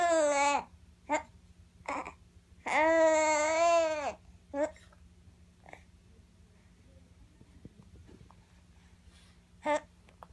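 Infant fussing with short vocal sounds and one longer wailing cry, then quieter, over steady room hum.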